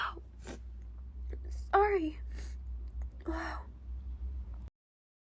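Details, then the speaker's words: Female, sneezing repeatedly in a sudden fit she says came out of nowhere, as she normally never sneezes: two sudden, explosive sneezes, one with a voiced 'choo', over a steady low room hum. "those came out of nowhere really they came out of nowhere oh [ __ ] oh this is just really weird because I I never sneeze I'm normally never like this"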